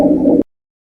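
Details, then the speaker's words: Rhonchi on chest auscultation: loud, harsh, continuous low-pitched rumbling sounds, heard best on inspiration, localized to trachea, bronchi and most of the lung fields. "Roncus. Sonidos fuertes, ásperos, continuos y graves. Se escuchan mejor en las inspiraciones y se localizan en la tráquea, bronquios y en la mayoría de la región pulmonar."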